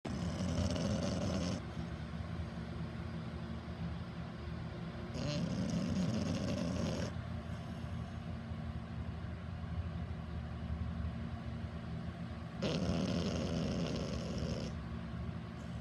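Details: Blue French bulldog puppy, a therapy dog, sleeping at work: rough, rattling snores with quieter breaths between, about three cycles in sixteen seconds, under room hum; flat-faced dog snoring.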